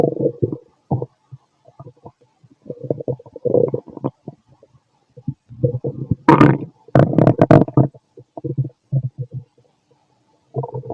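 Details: Adult fit male's abdomen recorded with a stethoscope after lunch and a carton of milk: frequent gurgles and rumbling bursts of varying loudness, a few sharper squeaks; active bowel sounds.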